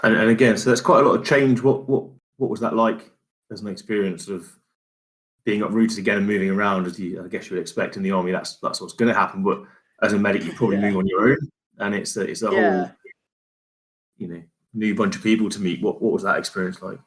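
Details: Adult man speaking; normal speech.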